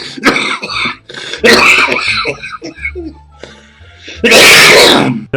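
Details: Compilation of coughing: several loud, harsh coughs and throat clearing, mixed with music.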